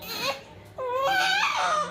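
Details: Strong, clear newborn cry with short rising-and-falling wails, heard in hospital after a painful delivery that became a caesarean section; baby later on a drip.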